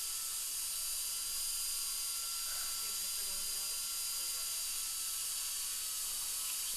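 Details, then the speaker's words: Crown preparation of upper molar (tooth #2), rubber dam in place: continuous high-pitched whine with hissing water spray as a stainless steel round bur cleans out decay; high-speed dental drill. "so now what I'm going to do is take a flat end Diamond thank you Gail flat end Diamond I'm going to come in and just score the inside surface just to take away any of the remnants of the old material"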